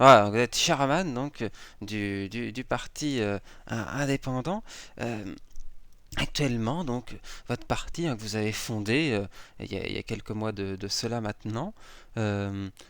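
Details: Adult male speaker; normal speech.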